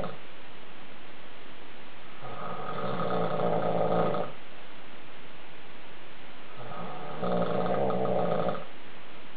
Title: My husband snoring